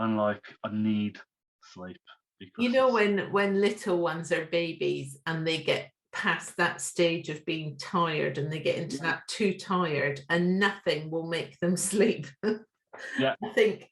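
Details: Adult woman speaking; normal speech.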